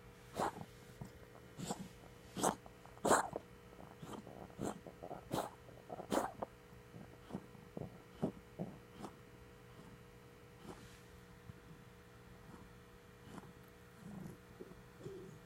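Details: A cat gives a run of short, sharp hacking coughs over about nine seconds, then quiets; cough.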